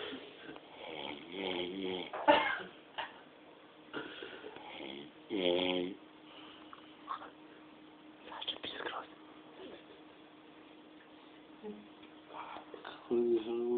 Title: Funny drunk man snoring in the rhythm